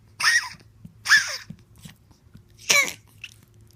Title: Mighty coughing more 11/8/16